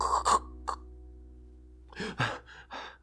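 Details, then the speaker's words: Child snoring during sleep, obstructive sleep apnea: noisy snoring breaths, a brief pause, then a gasping arousal with loud open-mouthed gasps before sleep resumes. "就是睡眠呼吸中止，他已经塞到他要醒过来，然后张口喘气，再进入下一个睡眠。"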